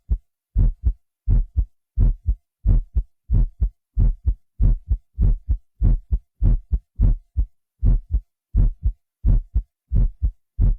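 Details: A man's own heartbeat, recorded by a doctor, digitally processed on a Synclavier system and used in the Smooth Criminal intro: clear, deep lub-dub pairs at about 90 a minute in silence, an enhanced adult heartbeat.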